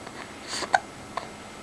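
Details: Smiling male infant under two months old with hiccups: a soft breath, then two short, sharp hiccup clicks about half a second apart.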